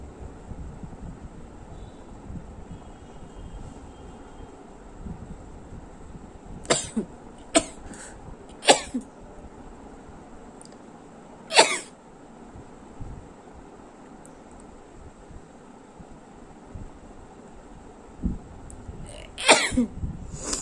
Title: Sneezing and Nose blowing#vlog #viral #most requested video